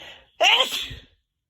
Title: Back with more sneezes